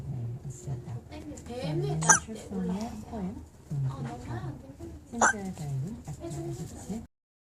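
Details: Newborn baby girl hiccuping, likely in a postnatal care center: two sharp, brief catch sounds about three seconds apart amid soft infant noises and background voices.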